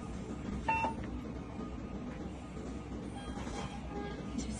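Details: Short electronic beep as a BD syringe pump is switched on during a nursing demonstration of pump setup, with room noise and faint music.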